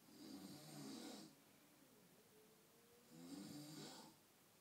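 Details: Adult man snoring, who doesn't believe he has a snoring problem; two loud, rough, rattling snores, each about a second long, with a quieter breath out between.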